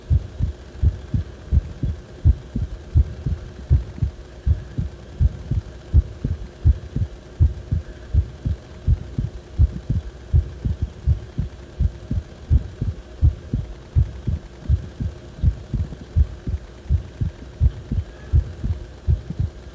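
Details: Heart sounds recorded when the heart felt wrong: steady low thumps about 82 a minute over a faint hum; abnormal heart sounds.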